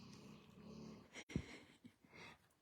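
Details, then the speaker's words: Napping dog snoring loudly "like a human": low rumbling snore, then a soft thump and quieter breathing in a small room; snoring. "He's catching a nap. He snores like a human. I'm not sure if you can hear him, but I just want to have a chuckle."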